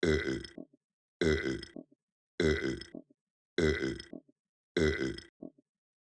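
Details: Puppet act burping: five identical loud, low guttural belches at about 50 a minute, clearly a repeated recording, not a real person; burping.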